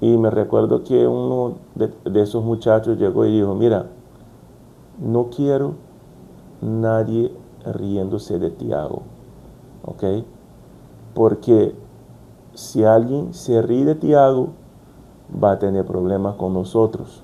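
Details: Brazilian adult man stuttering since childhood, speaking Spanish as a second language, working to overcome it; repetitions such as 'como como'; stuttering.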